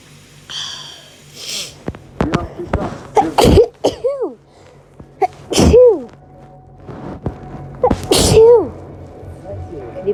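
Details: Several loud voiced sneezes, each with a rising breath before the burst, amid room noise; repeated hay fever sneezing, one of several filmed over 3-4 days.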